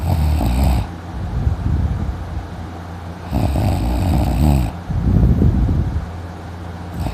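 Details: Person snoring loudly while sleeping in the morning; their throat hurt afterwards: loud, rough, low-pitched snores on breaths in, with quieter noisy breaths out between.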